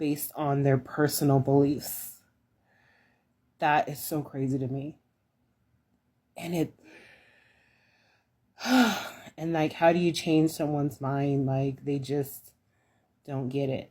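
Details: Alaryngeal speech in a woman after laryngectomy (removal of the larynx); voicing method not stated.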